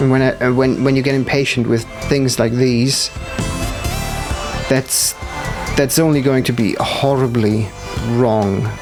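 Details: Stuttering with audible word repetitions in a man who says it appears when he must concentrate hard, especially on actions not yet in muscle memory.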